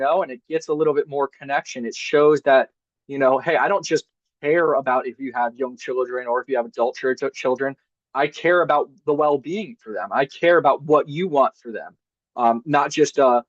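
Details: Adult man speaking; normal voice.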